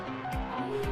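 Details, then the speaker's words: Simulated age-related hearing loss: muffled, warped music showing how music sounds to someone whose hearing declines with age. "It's a story we've all heard. As you get older, you lose your hearing. Conversations become harder to follow."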